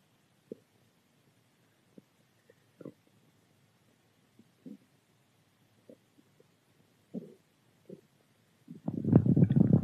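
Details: Ordinary stomach growling (borborygmi) from gut movement: soft scattered gurgles and pops ending in a longer, loud rumble.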